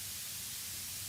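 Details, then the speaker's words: Tinnitus masker noise with a separately tuned masker in each ear, for one-sided tinnitus or tinnitus that differs between the ears; volumes can also differ between ears. "As you hear now, you can have different maskers for each ear. You can also have different volumes for each ear."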